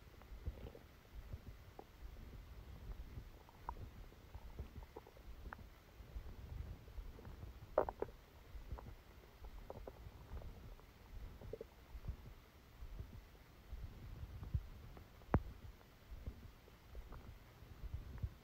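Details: Abdominal sounds during a stomachache after Christmas dinner, recorded while the person slept: soft, irregular low gurgles and rumbles with occasional sharper squelches, about eight bursts a minute; bowel sounds.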